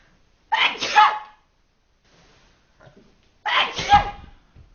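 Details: Gronski's sneezes: two separate sneezes a few seconds apart, each a sharp, explosive burst of air with a quick fade.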